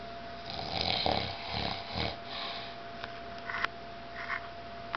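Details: Low rattling snores during breaths in a quiet room with a steady background hum from a grandfather and a family member sleeping on a farm vacation; ordinary snoring.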